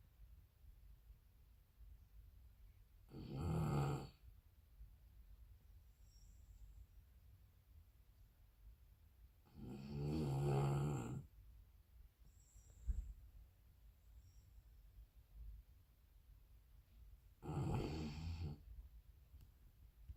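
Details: A sleeping dog snores loudly and deeply, sounding like a grown man, about three long rumbling snores in twenty seconds.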